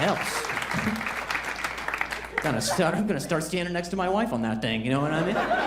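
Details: An adult male comedian performing stand-up, whose stuttering he describes as varying with his level of anxiety; stuttering.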